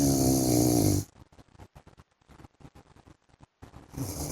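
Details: Loud, rough inhaled snoring from a sleeping adult man (husband), broken by a pause of rapid fluttering sounds before the next snore: ordinary heavy snoring during sleep.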